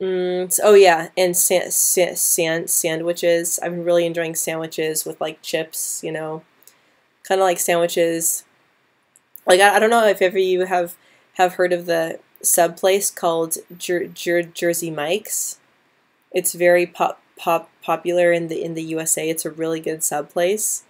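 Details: Adult woman who stutters, hosting a live stuttering hangout; she began stuttering without having known anyone who stuttered; stuttering.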